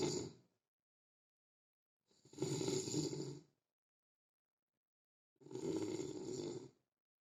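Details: Loud, harsh rattling snores on each breath with silent gaps between, from a sleeping soldier said to sleep alone because of his huge snoring; heavy snoring.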